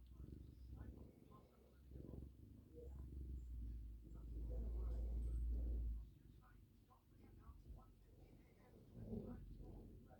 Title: One minute of snoring next to Charlie.